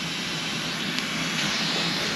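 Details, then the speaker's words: AIRVO 3 high-flow nasal cannula running at startup, set at 37 °C, 40 L/min flow and 21% oxygen: steady, even rushing hiss of gas moving through the circuit in normal operation. "confirm so now we'll start it up now you hear the oxygen going through and the"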